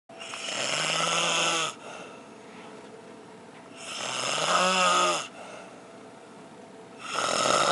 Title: Snore in the Dark Part II